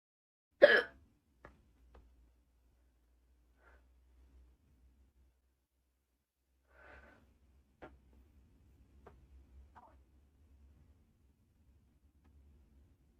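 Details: Person hiccuping while doing makeup: sharp, brief gulping hiccups every few seconds in a quiet room, the first loudest.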